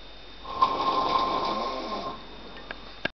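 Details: Single loud, rasping, vibrating snore lasting about two seconds from an adult man sleeping on a sofa in the dark, with faint room noise.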